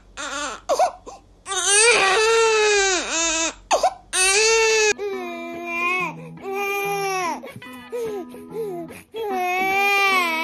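Several bouts of high-pitched, rhythmic newborn crying with wails and whimpers, from different babies; soft music in the background.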